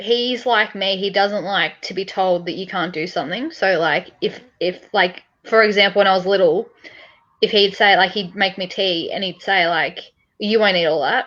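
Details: Adult woman speaking; typical speech.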